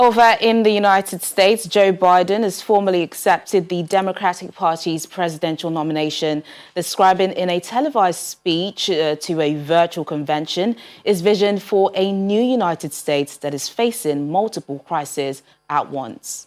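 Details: Adult female newsreader; normal speech.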